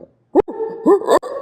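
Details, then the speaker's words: An adult imitates the stridor of children with croup, alongside their seal-like barky cough: a harsh, high-pitched crowing noise on breathing in, with brief sharp bursts. "and then if they have this Strider they obviously make the sound and so they kind of sound like"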